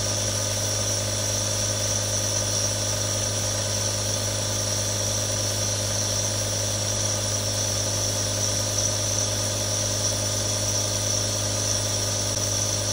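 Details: Real sounds from one of three different nebulizers: a steady mechanical hum with a constant hiss as the nebulizer runs.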